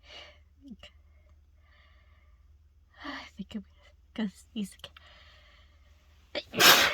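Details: Person stuffed up from a cold sneezing after taking a dose of chhinkni: quiet breathy catches and short vocal bursts build to a loud, forceful sneeze, part of repeated sneezing.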